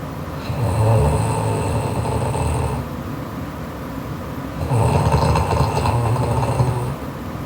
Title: Sleeping Japanese Girl Loud Snoring Part 2